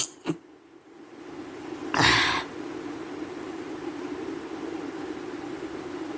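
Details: A single sharp, forceful sneeze burst after a brief quiet lead-in, then steady room noise; a sneeze induced deliberately during a sneezing challenge with nose blowing.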